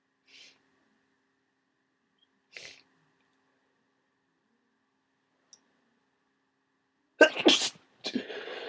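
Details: Faint sniffs, then two loud sneezes near the end, from a person with a cold who has also started coughing; sneezing.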